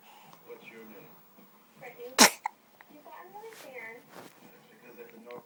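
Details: One abrupt, loud sneeze breaks into ongoing conversation, with a quick catch of breath after it; sneeze.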